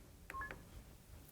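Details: A brief, quiet two-note electronic chirp from a Puritan Bennett 840 ventilator in neonatal configuration (patient circuit for under 7 kg) as a settings change is confirmed; control confirmation beep.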